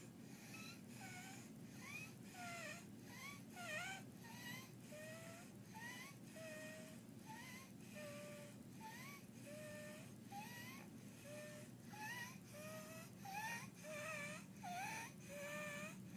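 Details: Infant with laryngeal dyspnea: inspiratory stridor.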